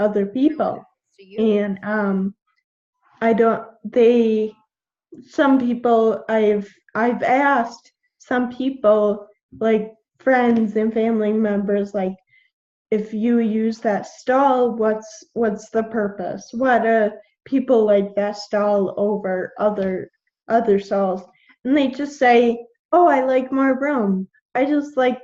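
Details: 21-year-old woman with Friedreich's ataxia, a genetic neuromuscular degenerative disease; symptoms from about age 9, diagnosed at 13, with progressively slurred speech. Finding: ataxic dysarthria.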